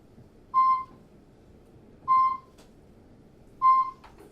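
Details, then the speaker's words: Heart monitor sound sampled for music production: clear, evenly spaced electronic beeps, about 39 a minute, over faint room noise, a heart monitor's pulse tone. "Yeah, so that's a heart monitor, and when you hear it, you're like, okay, well, how are we going to use that in a song?"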